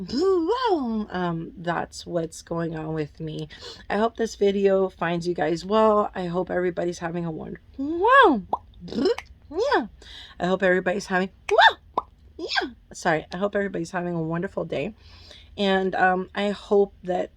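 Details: Adult woman with Tourette syndrome, with an involuntary "wow" interjection followed by an apology: vocal tics (Tourette syndrome).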